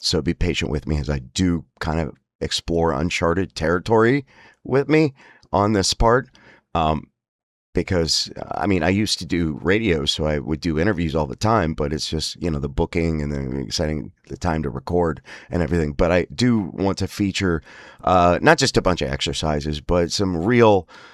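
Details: Man with spasmodic dysphonia (laryngeal dystonia); he says emotional stress and an unregulated nervous system make his voice spasms much worse, especially on phone calls: spasmodic dysphonia.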